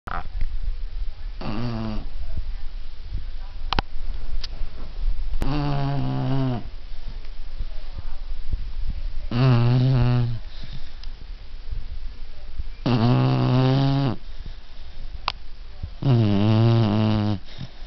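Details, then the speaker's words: Beagle dog snoring while asleep; loud, rattling, tonal snores on each breath, about 16 a minute, with quiet pauses between; steady sleep snoring. "Good morning. You are very loud."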